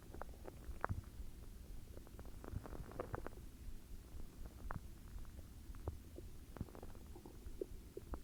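Soft low gurgles and brief bubbling pops over a quiet rumbling background: ordinary stomach growling (bowel sounds).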